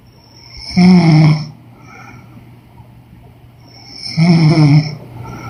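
Two loud, buzzing, throaty snores on breathing in, with soft breaths out between them and a steady low hum behind: snoring.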